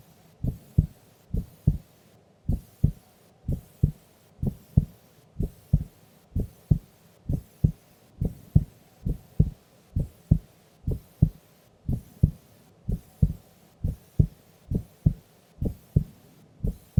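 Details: Female recorded asleep during an afternoon nap: steady, regular lub-dub heartbeat at about 70 beats a minute, even rhythm, no added sounds; normal heart sounds.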